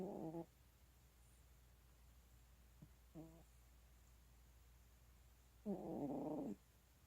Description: so sometimes my kitty snores and it's cute as heck